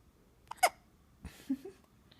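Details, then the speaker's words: Infant boy, fussy earlier, now sitting quietly: a brief sharp hiccup followed by soft baby breath and voice sounds; infant hiccups. "The monkey boy has hiccups. Say hi, Dad."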